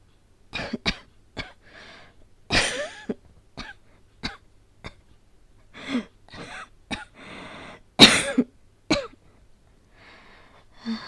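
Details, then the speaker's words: Acted fit of repeated dry coughs with throat clearing and strained breaths between, in a quiet room: simulated asthmatic cough, voice-acted as a girlfriend with asthma catching a cold after rain, breathless, later 38°C fever; coughing fit (acted). "ん？ああ、咳？雨のせいかな。少し息苦しいけど大丈夫だよ。"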